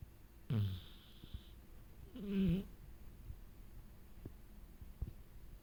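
Two low, rattling snores a couple of seconds apart over quiet room noise; snoring from a sleeping dog.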